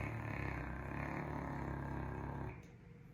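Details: Caucasian Shepherd (Ovcharka) dog snoring loudly: a loud, low, rumbling, fluttering snore that fades out near the end.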